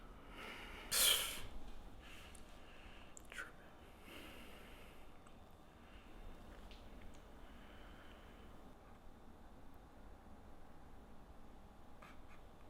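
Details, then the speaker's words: Single sneeze from a person in the middle of repeated sneezing, indoors in October; the person suspects pollen and a friend suggests illness: one loud, sharp burst of air, then quiet room noise with faint breathing and rustling. "how many more times you going to sneeze you SI no man I'm good it's probably the pollen in the air or something"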